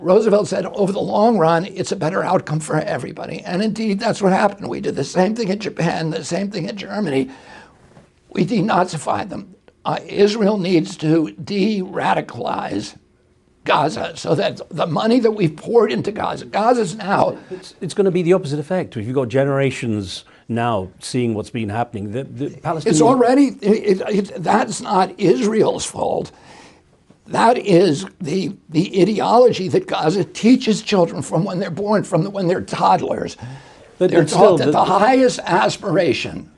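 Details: Real spasmodic dysphonia in an adult male, with onset in 1996 at age 42 after a neurological injury; he attributes it to his brain sending wrong signals to his vocal cords.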